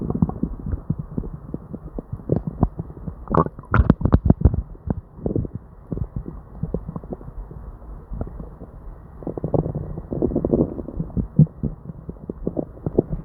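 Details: Person with diarrhea and an upset stomach: constant gurgling with bursts of loud clicking, popping rumbles; hyperactive bowel sounds.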